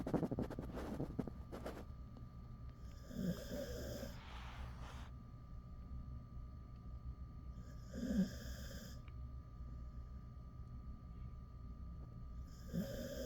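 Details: Male Jindo dog, about ten years old, asleep with his head on a door sill: three soft, regular rumbling snores about every 4–5 seconds, roughly 13 breaths a minute, over steady room hum; snoring.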